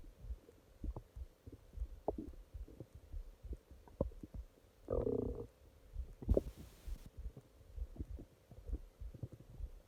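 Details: Stomach growling at night: irregular low gurgles, pops and rumbling bursts, with one longer gurgling run midway, against quiet room noise; active bowel sounds (borborygmi).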